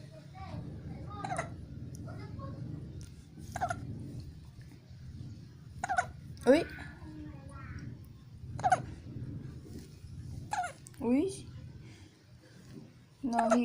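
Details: Repeated brief voiced hiccups, about 13 a minute, against low room hum and faint background noise; hiccups.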